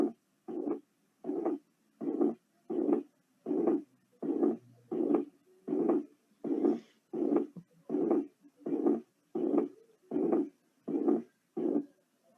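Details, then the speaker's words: Pericardial friction rub in the pericardial syndrome: harsh scratching, short sounds each cardiac cycle, one in systole and one or two in diastole, discontinuous, resembling a systolic-diastolic murmur and easily confused with a cardiac murmur. "Sonidos cortos por cada ciclo cardíaco. Un sonido durante la sístole y 1 o 2 sonidos durante la diástole. Parece un soplo sistodiastólico. En este caso es discontinuo, ¿no?"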